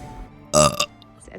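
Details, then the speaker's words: Burping after drinking a large amount of water, by a VTuber: one short, loud, voiced belch lasting under half a second, with faint background music. "I took a really big drink of water and it just keeps coming up. Excuse me. Ooh, that was good."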